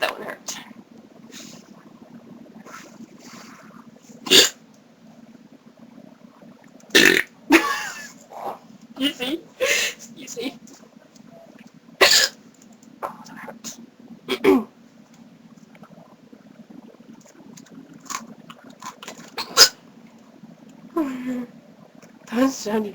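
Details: Sharp, abrupt throaty gulps recurring every few seconds, about nine in 23 seconds: a persistent, severe bout of hiccups.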